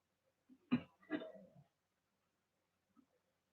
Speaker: i hope you all didn't hear that that was my stomach growling